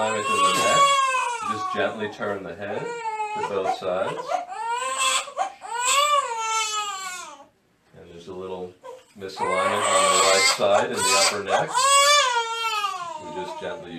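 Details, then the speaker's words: A 2-month-old (nine-week-old) girl with colic, crying about 90% of each day for two months, cries loudly and high-pitched with gasping breaths while turned over during a chiropractic adjustment; acid reflux was suspected but reflux medication did not help. "she's been collicky and crying like 90% of the time"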